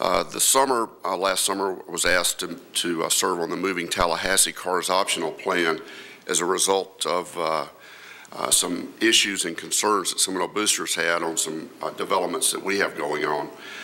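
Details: Vocal tremor in an adult woman who states she has a vocal tremor; real, not acted.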